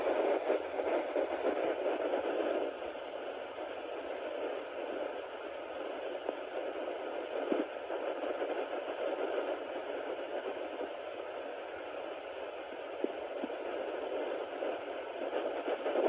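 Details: Steady hiss and crackly static from a Sonoline B fetal Doppler at 9 weeks of pregnancy, with no distinct fetal heartbeat picked up; user unsure whether the heartbeat was found.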